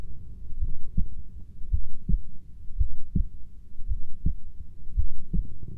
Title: 20 min heartbeat recording